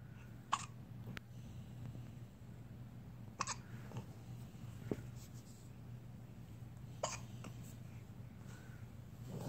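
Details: Dexter having hiccups: sharp, brief hiccup bursts, about five over ten seconds, against a steady low hum.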